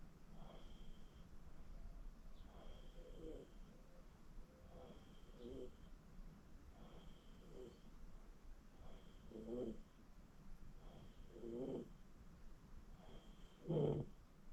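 Soft, regular snoring breaths about every two seconds, with a louder snort near the end, over a faint steady room tone.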